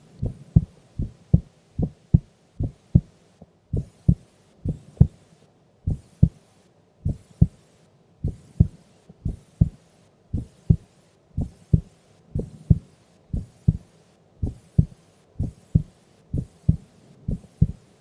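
Steady paired low thumps at about 75 beats a minute with a regular rhythm; ordinary resting heartbeat.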